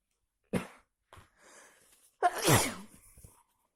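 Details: Big sneezes, possibly from someone with a cold: two forceful sneezes, the second louder and longer, with a short breath drawn in between; sneezing.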